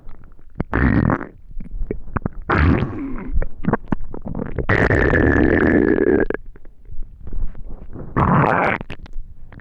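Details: Loud gurgling, rumbling stomach growls with long drawn-out groans and bubbling pops, described as extreme hunger; ordinary hunger bowel sounds.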